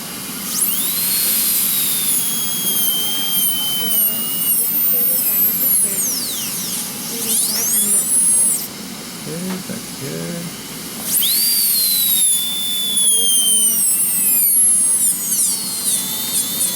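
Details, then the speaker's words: High-pitched dental handpiece whine rising and falling in bursts as a provisional crown is reduced down to its finish line, seen as a distinct line under loupes; normal handpiece operation. "and that's how you can tell that that's your um finish l so I'm going to go ahead and reduce a little bit"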